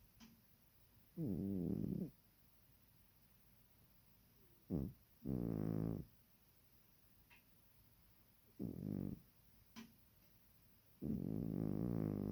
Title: Epic Cat Snoring